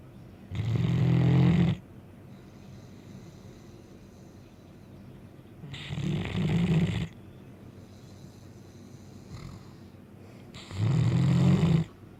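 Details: Blue Great Dane asleep: three loud, low, rattling snores about every five seconds with quiet breathing between them; snoring.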